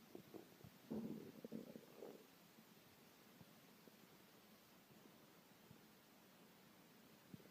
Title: my hungry stomach growling